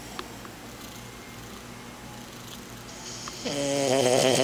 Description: Ralphy, my 4-month-old, 12 pound French Bulldog puppy fell asleep on my lap at work and was snoring up a storm!